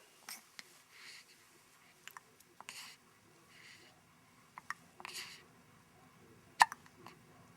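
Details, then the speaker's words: Infant with hiccups after a good feeding, around 10 pm, alert and not fussing: soft, brief catching sounds at irregular intervals with faint breathing between them, in a quiet room. "here's our buddy jackson after good feeding he gets the hiccups"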